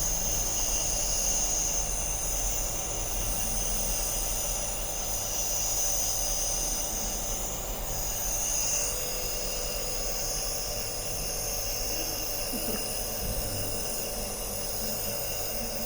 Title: nebulizer for the cough